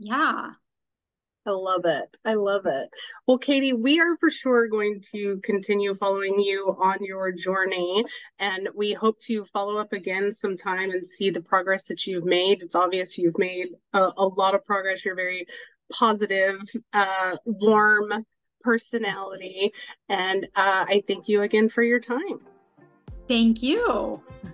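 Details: Adult speaker; normal speech.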